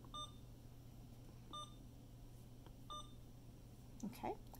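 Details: Three short, high, evenly spaced electronic beeps over steady room hum: keypad tones from an Alaris infusion pump being programmed for a propofol drip in a demonstration with no actual propofol.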